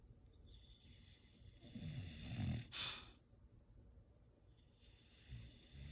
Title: Moose coughing